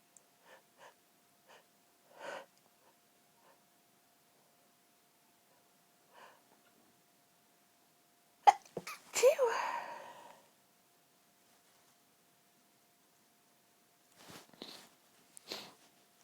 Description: stifling my sneezes, some stifles & some half stifled..... also false starts, build ups and some nose blowing........ allergy related sneezing as my sensitive nose tickles like crazy